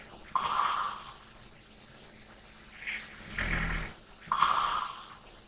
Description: ASMR SNORING / LIGHT BREATHING. RELAX AND FALL ASLEEP TO THE SOUND OF SNORING.